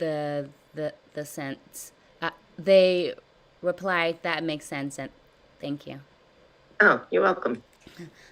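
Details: Person who stutters in a live stuttering therapy session, practicing techniques such as voluntary stutters and prolongations; stuttering.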